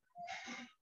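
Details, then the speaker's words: Wheeze played during an Indonesian auscultation lecture: a brief, high-pitched musical whistle during breathing from narrowed airways. "ronki ciri khas nada suara ronki ada wishing itu terdengar bunyi seperti ini wishing ini bunyinya crevices"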